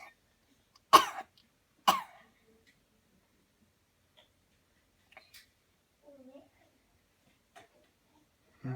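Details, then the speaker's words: Voluntary coughs on command during a coughing technique demo after deep breathing: two sharp, deliberate coughs about a second apart, then quiet faint sounds in a small room. "Okay, here we go. Breathe in deep, deep, deep, cough. Again, cough."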